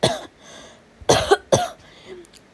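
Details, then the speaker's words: Child's harsh cough, three short coughs with quiet between, while sick; speaker attributes it to hay fever with something stuck in the throat. "now wasn't really the best time to tell you because of my cough but i wanted to tell you guys anyway because i thought it'd just be fair that i tell you this now"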